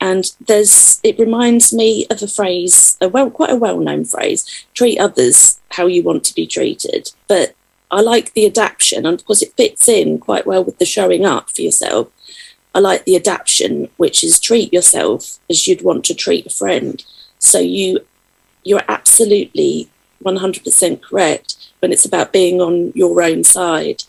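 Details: Adult woman speaking; Normal speech.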